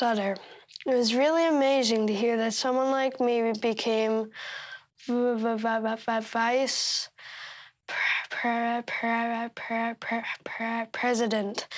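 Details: 13-year-old boy who stutters, reading prepared remarks he marked to make them easier to say; stuttering.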